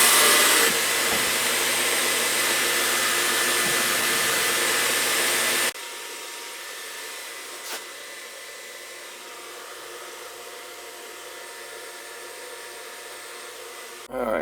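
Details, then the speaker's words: Dental office suction vacuum pump running: loud steady rushing motor hiss, then a quieter continuous hum after it drops off, the vacuum used to suck the mouth during tooth grinding. "I've got a backflow here, but this is a vacuum pump for sucking the teeth when they're doing the grinding and shit, right?"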